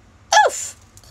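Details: Vocal tic outburst ("Oof!") from a female with Tourette's, real, occurring while talking about movies.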